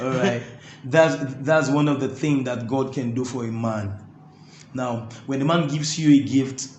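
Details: Stuttering (stammering) in an adult male interviewee who says his stammering makes talking difficult, though his singing flows with ease.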